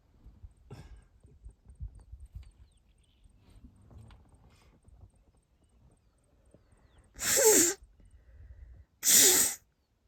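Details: Person with a stuffy nose outdoors in Kenya, near a lioness in the bushes: faint outdoor background noise, then two loud, explosive sneezes about two seconds apart; sneezing.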